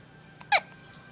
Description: always gets the hiccups, even when he was in my tummy. They make him mad-skies.